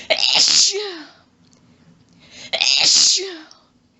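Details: Two loud, explosive sneezes in quick succession with sharp inbreaths, from a female in a long, rapid sneezing fit of quadruples, with some coughing from lost breath and a nose blow.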